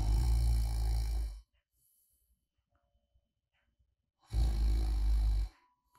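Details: Light snoring ASMR, like a friend sleeping soundly beside you, made after a sleep apnea oral appliance user slept too quietly; two loud, deep rumbling snores about three seconds apart with near silence: snoring.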